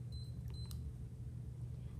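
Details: Two short electronic keypad beeps and faint clicks over low room hum as volume to be infused (250 mL) is entered on a Hospira Plum A+ IV infusion pump, titratable drug therapy mode.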